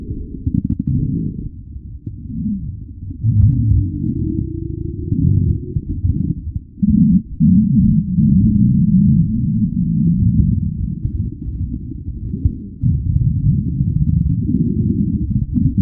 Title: Stomach Growling (Requested)